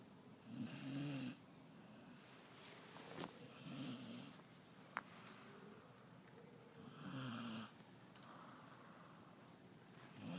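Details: Loud rattling snores on slow in-breaths, spaced several seconds apart, from Daisy asleep and worn out at 8pm in a quiet room; ordinary snoring.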